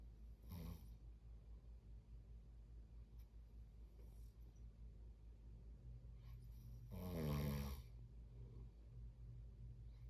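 Low rumbling snore sounds over steady room hum, one loud snore near the end; ordinary sleep snoring.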